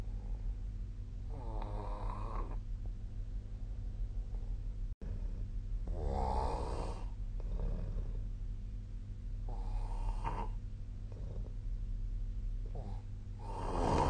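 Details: Adult snoring during sleep, nightly recording from 2025/01/18, possibly made with the SnoreLab app: loud rattling snores repeating every few seconds over a steady low room hum.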